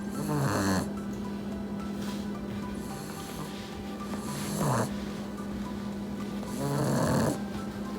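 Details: A puppy napping after hard play snores loudly: loud rattling snores about every two to three seconds over a steady hum and faint background music.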